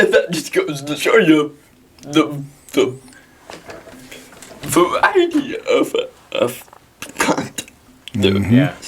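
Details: Dysarthria in a 23-year-old man with cerebral palsy.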